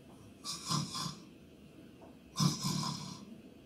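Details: Recorded human snoring replayed for sleep apnea cause analysis: two harsh, rattling inspiratory snores a few seconds apart; tongue being sucked back is discussed as a dangerous stage.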